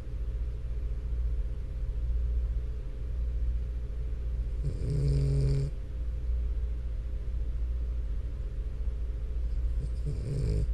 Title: French Bulldog Snoring For 10 STRAIGHT MINUTES!! ASMR